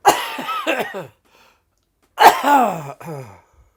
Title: Covid coughing 1